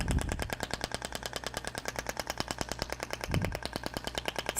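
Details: Thork radial shockwave applicator firing rapid, fairly regular popping pulses, about three per second, while glided over muscle; radial shockwave therapy device firing.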